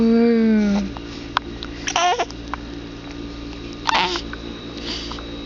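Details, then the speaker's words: Baby boy with hiccups, babbling, then several brief, sharp catching sounds a second or two apart over low room hum; infant hiccups. "look at the fat little man there's Buddha belly that's a belly a poor go guy he's got the hiccups look got the hiccup"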